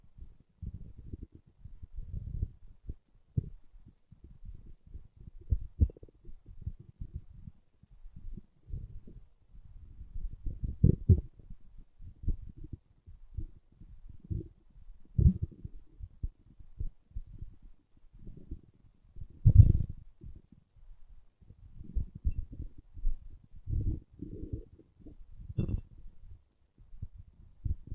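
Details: Irregular low rumbles and gurgles from an adult's own growling stomach: normal bowel sounds (borborygmi).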